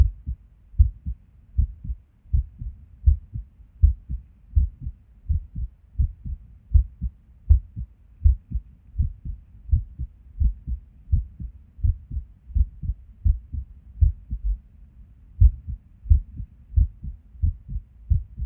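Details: Resting heartbeat recorded while sitting at a desk, often skippy with and without reason. Low thudding beats around 80 a minute with uneven spacing and occasional pauses; irregular heartbeat with skipped beats.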